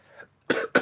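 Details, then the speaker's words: An adult with a sore throat coughs while talking during a live chat and sipping water: two short, abrupt cough bursts after a faint breath or throat sound. "Ooh, girls, I might have to end because I don't want to keep having this sound of me coughing."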